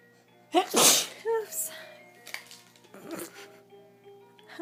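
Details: A quick gasp and then one sharp, forceful sneeze used as a greeting, followed by quiet talk, with background music.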